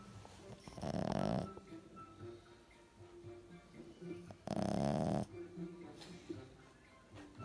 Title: Snoring frenchie